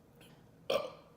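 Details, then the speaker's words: Burping (eructation) after a full meal of KFC chicken and waffles with Coca-Cola while eating on camera: a short voiced burst at about half a second, then a second burst starting as the clip ends. "I'm super full big burps I had coca-cola and I am super excited"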